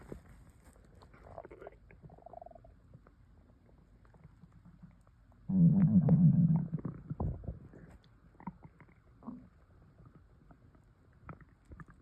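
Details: Low gurgling rumble about a second long amid quiet clicks and gulps; stomach rumbling (borborygmi) from air swallowing.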